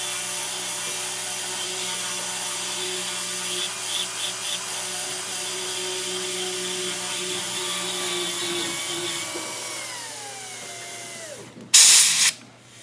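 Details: Dental high-speed handpiece with an 8847 bur preparing a maxillary central incisor for a PFM crown on a Kilgore typodont, extra incisal-third reduction; continuous high-pitched whine winding down, then a brief burst of air spray.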